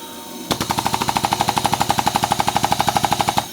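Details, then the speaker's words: Vortran Percussive Neb 2.0 percussive nebulizer running during setup: rapid, even pulsing bursts, a little over eight per second, pounding hardest at the end of exhalation, delivering airway percussion to help clear mucus. "if you can see this let me see how close I can get right there at the end the end of exhalation they're really pounds on it"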